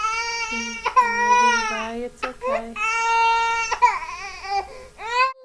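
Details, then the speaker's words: A crying infant with laryngomalacia, a floppy voice box that collapses inward on endoscopy; a harsh, high-pitched crowing inspiratory stridor on each breath in. "Look at how everything flops in, and note the stridor."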